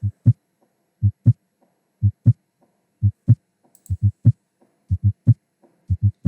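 Regular paired low thumps, first and second heart sounds, about 60 beats a minute on a simulator at the aortic area; normal heart sounds, no murmur.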